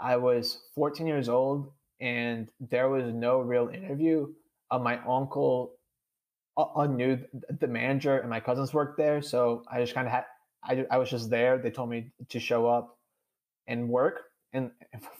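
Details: Adult man with stuttering, the only person in his family who stutters, who had speech therapy twice; real conversational speech; finding: stuttering.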